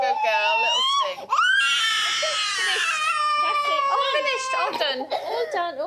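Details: Young girl starting nursery crying after two routine vaccination injections at a GP surgery: loud, long high wails with sobbing breaks, adult soothing voice nearby; distress after injection.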